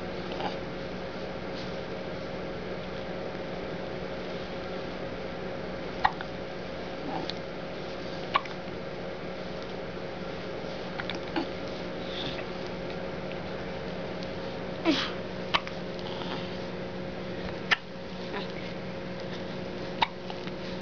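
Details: A cat that often gets hiccups: soft, sharp little clicks recurring over a steady room hum; hiccups.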